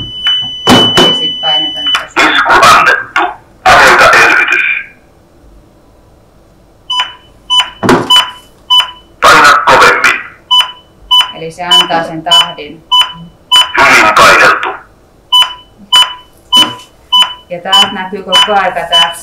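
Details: Automated external defibrillator in a Finnish training demonstration: voice prompts followed by steady beeps about 100 a minute guiding chest compressions.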